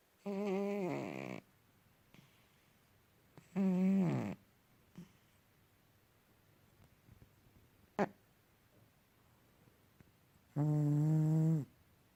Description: My cat Travis Bickle, snoring up a storm 😆😆